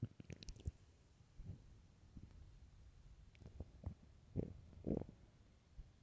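Low gurgling rumbles and bubbly pops come in irregular bursts. These are ordinary growling sounds from an empty stomach.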